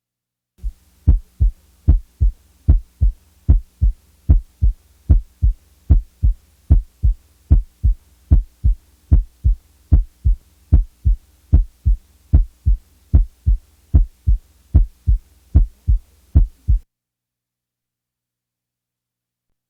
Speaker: when the first sound is louder than the second an impression of coming down the musical scale is perceived when the first sound is softer than the second the impression is that of going up the musical scale listen now to a loud first sound followed by a softer second sound